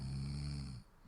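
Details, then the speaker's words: A single deep, rattling snore on the in-breath, lasting under a second before fading, played as an example of the sound a person makes in sleep: snoring. "звук который человек может издавать во время сна Он мешает спать всем остальным и как правило Это говорит о некоторых проблемах со здоровьем"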